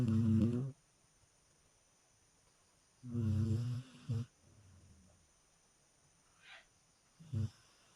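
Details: Low, rumbling, buzzy snorts recurring every few seconds with quiet pauses, the irregular rhythm of a sleeping dog snoring in a quiet room.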